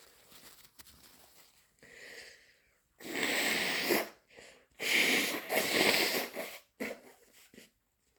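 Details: Sniffs and breathy build-ups, then long forceful blasts of air through the nose: nose blowing and sneezes from a person with a cold.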